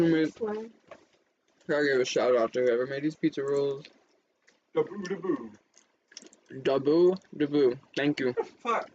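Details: Adult speaker; plain speech.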